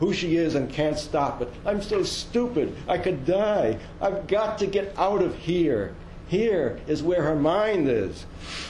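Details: Woman with dementia diagnosed at age 53, type undetermined (Lewy body, frontotemporal or Alzheimer's), recorded soon after moving to assisted living while still able to walk; fragmented, repetitive speech in dementia.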